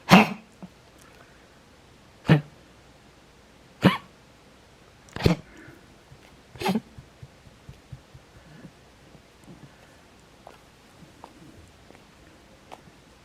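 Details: Older female dog with congestive heart failure, long-standing heart murmur, X-ray showing one-sided cardiac enlargement and lung fluid: prolonged bout of five harsh, dry coughs about 1.5 seconds apart; cardiac cough.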